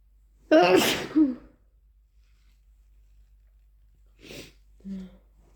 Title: Powerful induced sneezes + blows